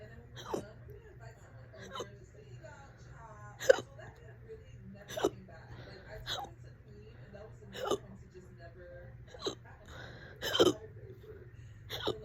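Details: Fast, loud hiccups about every 1 to 1.5 seconds, roughly nine in twelve seconds, faint background hum; ongoing for about 30 minutes and on and off all day.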